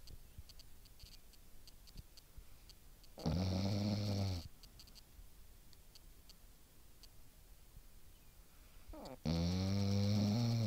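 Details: Sleeping puppy snoring: two loud, rumbling snores separated by quiet breathing in a small room.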